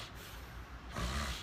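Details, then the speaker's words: An adult imitates nasal snoring, contrasted with open-mouth throat snoring: a brief, low, rattling snort pushed through the nose. "금방 것은 목골이고 코에서 오는 코골이입니다."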